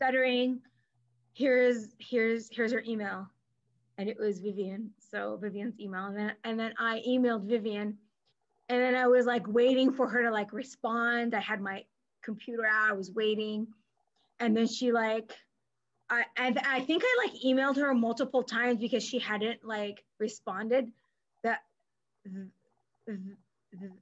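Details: Stuttering in an adult woman, a speech pathologist who stutters, with part-word and word repetitions.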